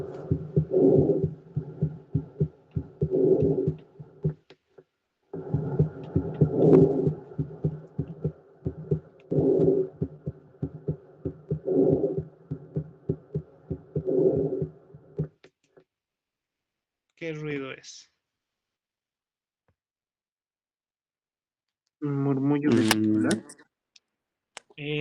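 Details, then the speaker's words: Steady, soft, low breathing sounds that repeat evenly and constantly through each cycle, played as an exam practice audio: normal vesicular breath sounds. "Eso, murmullo vesicular. Es murmullo vesicular porque es una respiración constante."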